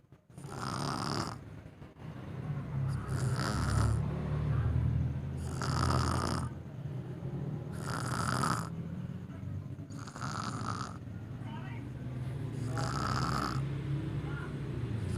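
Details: Snoring attributed to exhaustion: loud, rough snoring with regular breaths about every two seconds, roughly 28 a minute, and a low rumble on each breath.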